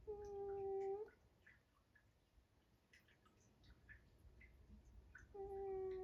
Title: Spock is snoring so hard, he’s dreaming in Surround Sound